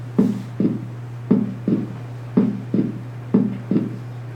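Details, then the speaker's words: Teaching recording of pathological S2 splitting caused by a conduction abnormality, not made worse by deep inspiration: regular heartbeat near 56 a minute, each cycle a first sound then a doubled second sound over a steady hum; split second heart sound. "But you can also have pathological splitting of S2, which can occur from a conduction abnormality. And that one will not be made worse when you breathe in deeply."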